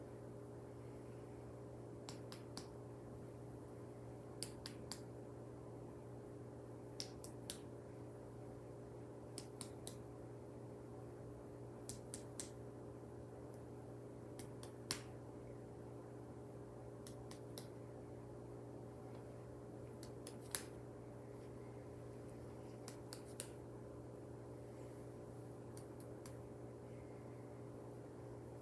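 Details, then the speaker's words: Percussion of a patient's back over the lungs during a head-to-toe nursing assessment, lungs auscultated bilaterally clear: paired light taps giving resonant notes, normal over healthy lung. "okay those sounded good those were resonant which is just the normal sound you want to hear in your back"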